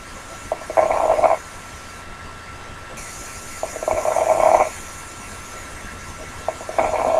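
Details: Crackles: repeated breaths carrying short crackling, popping noises; abnormal lung sound recording from a Spanish-language teaching lecture on adventitious breath sounds.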